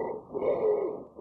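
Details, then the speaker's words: Breath sound with a faint high, squeaky musical whistle over airflow noise from narrowed airways: wheezes. "it occurs because the Airways have started to narrow meaning they have started to get smaller so as air is squeeze through those Airways it creates this squeaky musical whistling sound"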